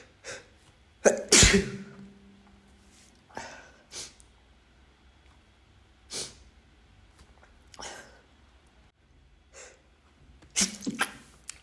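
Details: Male sneezing, from a sneeze compilation; several sneezes of varying strength, each a sharp burst of air, separated by quiet breathing and faint room noise.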